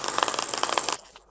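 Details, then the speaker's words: A shockwave therapy session for spinal hernia, protrusion and osteochondrosis, with the vector applicator applied along the spinal column: a rapid train of sharp clicking pulses lasting about a second. "the final crucial stage is that using the versatile vector applicator we can now work directly and precisely along the spinal column as well."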